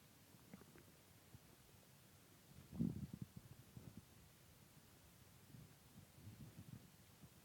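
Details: Low gurgling abdominal rumbles with one louder burst after eating a large pizza and two ice creams: stomach growling (borborygmi).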